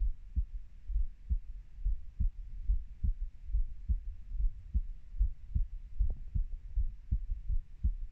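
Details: Heartbeat of a 30-year-old, their own recording: low, soft, steady paired thumps at about 70 beats a minute under faint hiss, an ordinary adult heartbeat.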